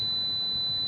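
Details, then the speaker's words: Simulated tinnitus: a steady high-pitched pure tone representing constant, 24-hour ear ringing. "இந்த சத்தத்தை கேளுங்க. இந்த மாதிரி ஒரு சத்தம் காதுக்குள்ளே 24 மணி நேரமும் இருக்குது."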